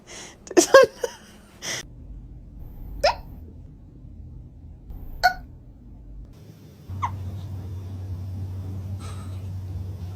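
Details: Cat with hiccups after eating its food too fast: short, sharp catches repeat every couple of seconds, with a few stronger sounds at the start; hiccups.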